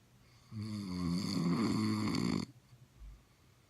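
One long, buzzing, vibrating snore lasting about two seconds, then quiet.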